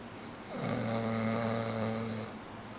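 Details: Adult man, a roommate's boyfriend, asleep, giving a single long, vibrating, droning snore of about two seconds; snoring.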